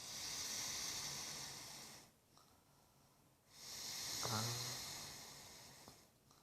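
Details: Wife snoring in sleep: two long, hissy breaths separated by a pause, the second with a low rattling vibration.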